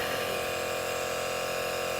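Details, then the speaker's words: An Omron NE-C101 compressor nebulizer, bought for a 2-year-old child's breathlessness, runs with a steady loud mechanical buzzing hum while pushing out aerosol, claimed at about 0.3 ml per minute. "Uapnya memang sudah keluar dan kenceng. Alat ini mengklaim bahwa dia memiliki tingkat nebulisasi tinggi sekitar 0,3 mili per menit dan ukuran partikel yang optimal, sehingga bisa masuk optimal ke dalam paru-paru dan lebih mudah terserap."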